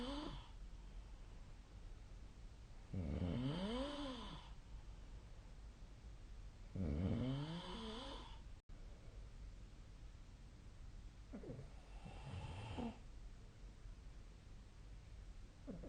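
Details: Loud rattling snores on inhalation, about 16 a minute with quiet pauses between, against steady room hiss, recorded during sleep: snoring.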